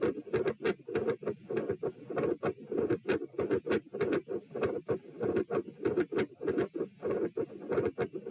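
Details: Auscultation stress test recorded at chest position P, while lying, sitting, standing and bobbing, at rates of 78 to 138 bpm. Fast, very loud heartbeat at about 97 bpm with an abrupt intensity change and a murmur at the second heart sound.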